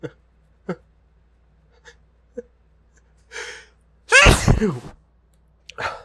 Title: Pepper/spice hitchy sneezes